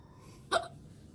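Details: One brief, sharp voiced hiccup from a young Korean woman against quiet room noise, in a clip also featuring coughing and hiccups.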